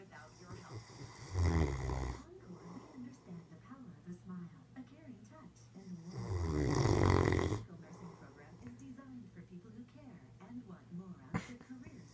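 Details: Heavy snoring: two loud, deep, rattling snores on inhalation about five seconds apart, with quieter breathing between them.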